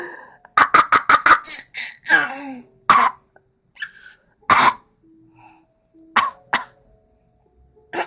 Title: Copy cat coughing